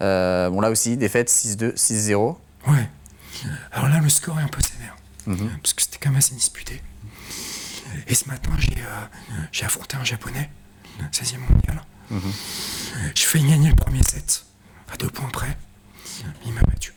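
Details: Adult male quad wheelchair tennis player with tetraplegia-level impairment and a neuropathy that he says affects his vocal cords; dysphonia.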